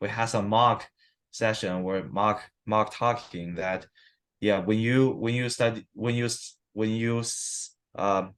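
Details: Adult man with stuttering, 7-8 weeks into stuttering therapy that has not used physical strategies or fluency control; he reports sometimes having severe stuttering in conversation; stuttering.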